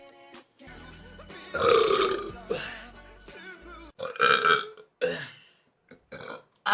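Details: Several loud, drawn-out voiced belches in a row with background music from a Korean Twitch streamer: burping.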